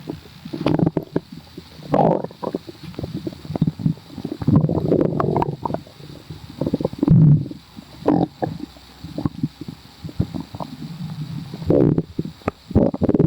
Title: sooo bubblyyy | stomach growling